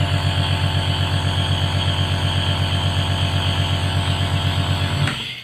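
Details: Home nebulizer compressor switched on for demonstration: steady loud buzzing hum with rapid regular pulsing, switching off near the end; nebulizer compressor running.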